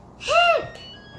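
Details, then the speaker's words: Sneeze: a single sharp, high-pitched voiced burst with a sudden rise and fall, amid 'bless you' remarks; a puppy is also present. "Oh bless you are you okay are you okay oh are you gonna sneeze you wait are you gonna sneeze right"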